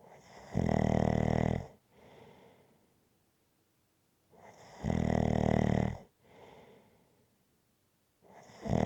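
Loud, rattling snores on each in-breath with softer out-breaths, about 16 breaths a minute: steady rhythmic snoring.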